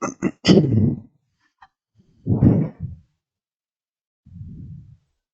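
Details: Adult sneezing, attributed to their cat: sudden explosive sneeze bursts, then a soft low exhale, in a quiet small room.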